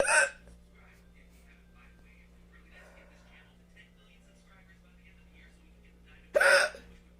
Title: Girl films hiccups until they stop! #shorts